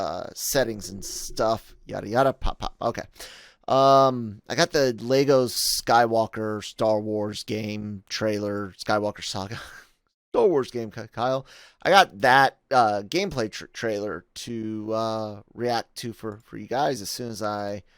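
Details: Adult male podcast host with self-acknowledged stuttering, in spontaneous speech with word and part-word repetitions and fillers; stuttering.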